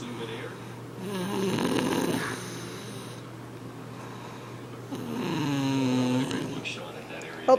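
Long, loud, fluttering snores on breaths in, two in under eight seconds, over steady room hum; ordinary heavy snoring.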